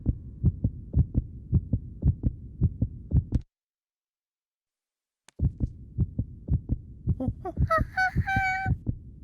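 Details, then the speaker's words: Steady thumping heartbeat, a short pause, then the beat resumes with a honking toy-like tone over it. Cartoon sound effect of a monkey listening through a stethoscope to a doctor's heart. "that's the sound of my [Music] heart"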